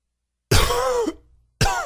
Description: Very dry and wheezy cough...allergies!